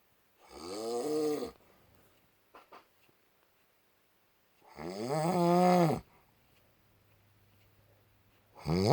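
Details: Husband snoring loudly during sleep: loud, rattling, rising-and-falling snores on each breath in, a few seconds apart with quiet pauses between; ordinary snoring in a quiet room.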